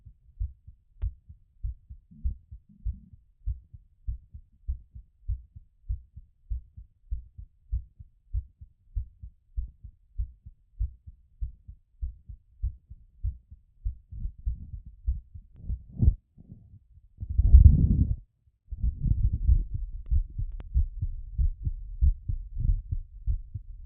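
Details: Rapid, regular lub-dub heartbeat heard through a stethoscope during recovery after exercise, the expected fast rate: sinus tachycardia.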